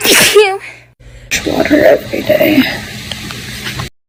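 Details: Sneezing compilation: a loud, sharp sneeze followed by a second burst and brief talking.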